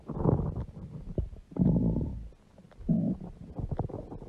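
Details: Loud, low rumbling growls and gurgles from a large belly in several long bursts; stomach growling (borborygmi) from gas and fluid moving through the gut.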